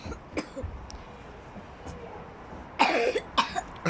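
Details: Child's cough, possibly allergic per doctor, worse after a haircut and treated with medicine: two loud, dry coughs after a quiet stretch.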